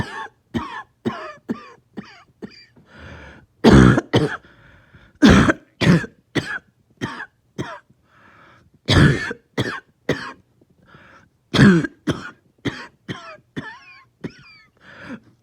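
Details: Lingering cough that started the night before, with headache: repeated harsh cough bursts in quick runs with throat clearing between, about thirty coughs in fifteen seconds; persistent cough.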